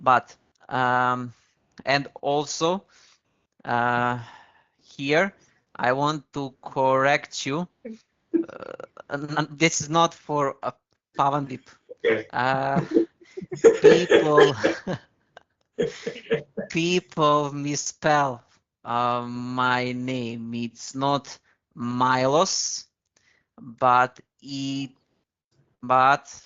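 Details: Adult male podcast host who stammers and says he changed his speaking speed on advice from a stuttering group; stuttering.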